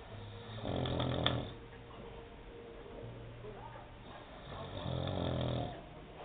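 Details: Adult man asleep on a sofa snoring: two loud, low, rattling snores about four seconds apart with quiet breathing between; ordinary snoring.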